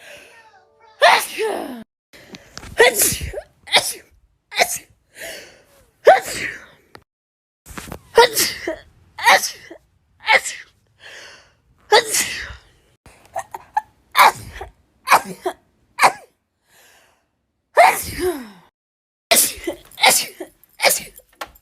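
About fifteen forceful sneezes in quick succession, each a sharp burst after a short intake, with brief pauses between; a rapid sneezing fit.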